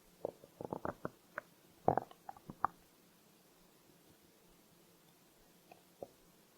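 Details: Stomach growl recorded as a hunger sound: a roughly three-second burst of gurgling, bubbly pops and squelches, then faint gurgles, ordinary borborygmi.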